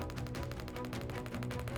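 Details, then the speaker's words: Rapid, regular clattering bursts like fast tapping from a radial shockwave (pressure wave) device run along a tensioned rotator cuff muscle to break up scar tissue adhesions in a painful, stiff shoulder; radial shockwave therapy device. "And what we're doing is putting hyper-concentrated sound waves in here that are melting away any of that scar tissue that's built up in there."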